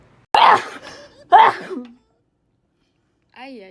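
Two sharp, explosive sneezes about a second apart, followed by a brief voiced sound; a pair of ordinary sneezes.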